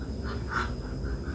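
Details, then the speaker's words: Rooster with a cold (coryza, "klokor"/ngorok) making low, wet, snoring rattling breath sounds. "ayam yang telah keluar atau pilek kedengeran kan suaranya"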